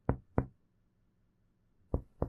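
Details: Dull percussion note (hepatic dullness).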